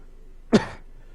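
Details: Adult recovering from a recent cold during a game stream: a single short, harsh burst in a quiet room, a cough or throat clear.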